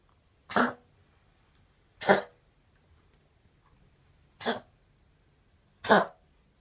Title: Coughing